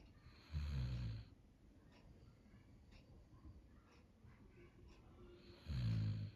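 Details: A dog snoring in sleep: two loud, low, rumbling inhalation snores about five seconds apart, with quiet breathing between them.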